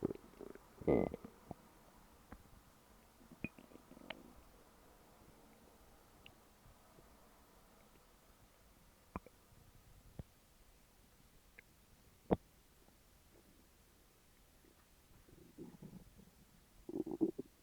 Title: Stomach growls